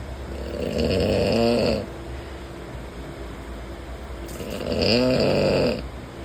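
Two long, loud, rasping snores about three and a half seconds apart over steady train rumble: snoring.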